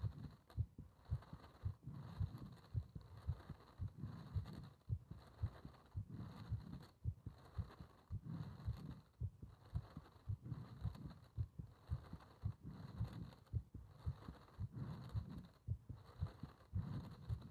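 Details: Heart sounds recorded during paper-bag rebreathing (part one): dull, regular low heartbeat thumps.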